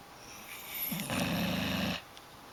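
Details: Adult woman snoring: one rough, rattling snore on an in-breath, lasting about a second.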